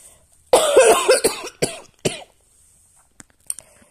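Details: Adult with asthma, allergies and past bronchitis; chest X-ray clear, cough attributed to asthma, not infection: short run of about four harsh, dry coughs; asthmatic cough.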